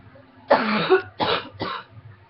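Three short, harsh coughs in quick succession in a quiet room.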